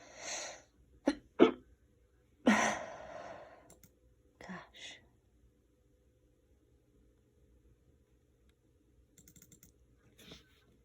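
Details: Several sharp sneezes, muffled and deliberately held back to keep them quiet, with short breathy catches between them and quiet room sounds after.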